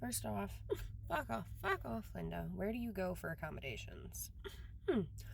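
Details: Man with Tourette syndrome who uses university accommodations; vocal tics with expletives break into his speech; Tourette syndrome vocal tics (coprolalia).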